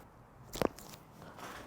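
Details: Chiropractic jaw adjustment on a dental hygienist with TMJ pain, left-sided popping, tenderness, night-guard use and jaw deviating left on opening: a single sharp double-snap pop from the jaw joint, a joint cavitation.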